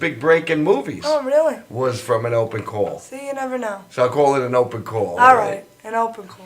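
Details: Adults in conversation; normal conversational speech.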